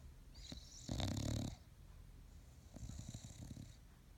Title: Snoring bulldog